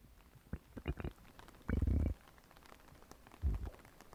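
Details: Realistic stomach growling recorded for an ASMR stomach-grumbling session; borborygmi.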